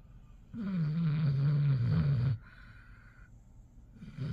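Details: Basset hound dog snoring: a single long, low, rumbling snore of about two seconds, dropping slightly in pitch, then quiet breathing.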